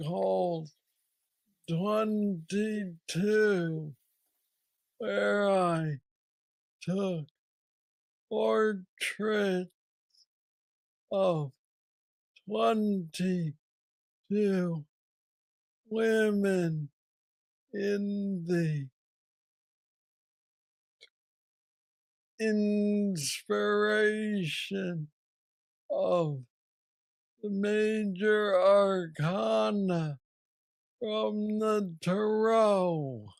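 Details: Adult man with Parkinson's disease diagnosed at age 35, about nine years ago, a form he calls the most aggressive he knows, treated with an implanted brain neurostimulator; Parkinsonian speech (hypokinetic dysarthria).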